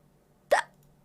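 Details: A streamer's hiccup: a single abrupt, loud hiccup, a sharp voiced gulp that cuts off quickly, over quiet room noise.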